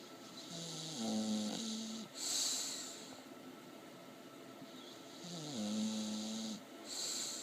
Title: Pebbles the English Bulldog asleep dreaming & snoring